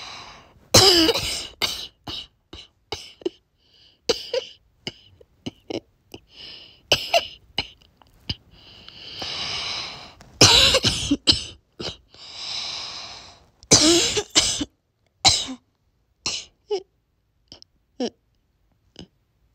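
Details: A child gives repeated harsh, barky coughs with whiny, high-pitched breathing sounds between bursts; a barking cough.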